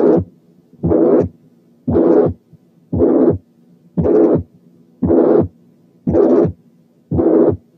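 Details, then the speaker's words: Mitral regurgitation (incompetence): regular heartbeat near 58 a minute with a long, blowing, relatively high-pitched, non-harsh pansystolic murmur filling each systole. "الممر بتاعت الماترال انكومبتنس بيقال لها بلوينج، وده لانها نسبيا هاي بيتشد وما فيهاش خروشه. نسمعها تاني ونركز الدور ده على البلوينج كاركتر."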